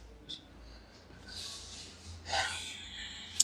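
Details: Sharp, breathy intake of air then a longer airy exhale, a gasp with sighing breath out, from a lower back pain/sciatica patient during a chiropractic spinal adjustment in a quiet room.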